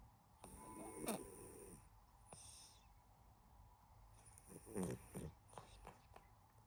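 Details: Gentle cat snoring with soft breathing sounds and occasional purring from a sleeping cat: snoring.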